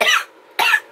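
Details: Adult woman with severe coughing for days during high pollen, plus sneezing and sore throat: two short, harsh cough bursts about half a second apart.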